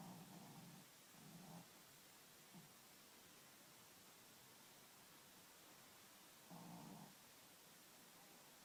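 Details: Soft, low rumbling snores from a sleeping animal, a few short breaths a few seconds apart over a steady hiss; snoring.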